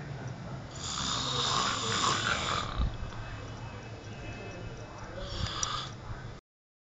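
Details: Roommate snoring while asleep at 12:00 pm: two loud, rough, rattling breaths about four seconds apart over steady room noise; snoring.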